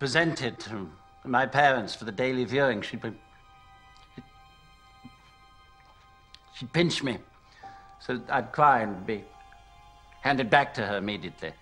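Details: Acted stuttering: actor portraying King George VI's stutter in a film scene; stuttering (acted)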